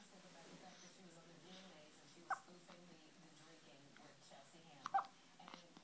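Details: Baby boy's hiccups: a few sharp, abrupt little catches in the breath with faint fussing in a quiet room; ordinary infant hiccups.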